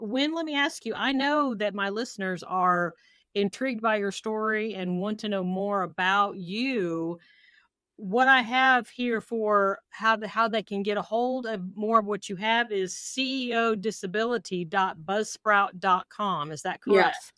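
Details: Adult woman, podcast host; Typical speech.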